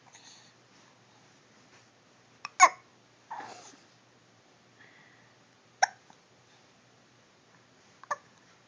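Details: Hiccups in a baby: abrupt squeaky, toy-like gulps at irregular intervals, about four in eight seconds, with soft babbling between; said to be quieter when the mouth is closed.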